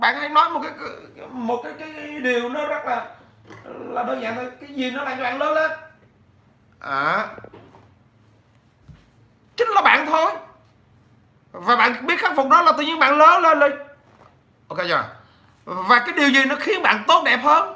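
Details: 43-year-old man with stuttering since childhood, improved with much speaking but still persisting; stuttering.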